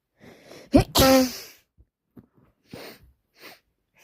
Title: Wet snotty cold sneezing